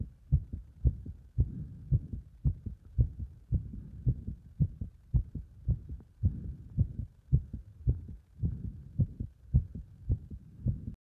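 Fast, regular, strong heartbeats at about 110 a minute, consistent with a heart working under exercise.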